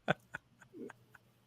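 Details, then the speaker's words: Sleeping French Bulldog in the room during an interview: quiet snuffling clicks and a brief low, rattly snort over steady room hum; snoring that varies with how she holds her head. "le are wondering, that's your dog snoring, yes? Yeah. I can imagine people are, what does that sound?"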